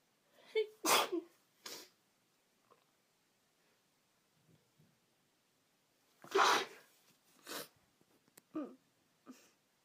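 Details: Woman with a cold: several loud sneezes in two bursts with quieter sniffles between; sneezing.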